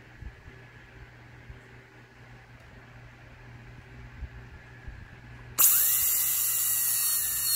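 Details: Quiet room with faint taps, then a sudden loud, sustained high-pitched whine as a high-speed dental handpiece starts cutting an MOD Class II prep on a mandibular left first molar (tooth 19).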